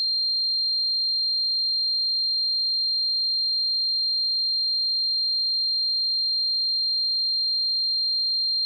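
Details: Simulated tinnitus sound effect: a steady, high-pitched pure tone holding unchanged throughout, imitating constant ringing; tinnitus simulation.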